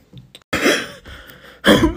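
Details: Coughing in a classroom: two to three harsh, throaty cough bursts in a small room, with a fainter burst between them; an ordinary cough.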